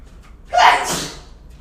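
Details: Streamer gives a single sharp, explosive sneeze with a quick intake and a loud hissing burst, over faint background noise.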